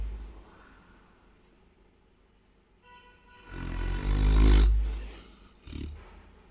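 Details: Sleeping Saint Bernard dog snoring: quiet breathing, then a loud, deep two-second rumble followed by a softer one.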